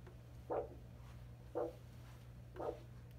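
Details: Arterial pulse in a limb found with an 8 MHz Doppler ultrasound probe, angled slightly, for blood flow restriction training: regular whooshing pulse sounds over a steady hum, about 57 a minute; normal arterial signal.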